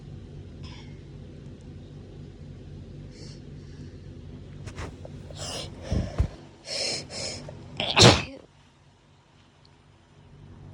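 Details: Person with hay fever who woke in the middle of the night sneezing: a build-up of sharp breaths, then a cluster of sneezes ending in one large sneeze, over a steady background hum.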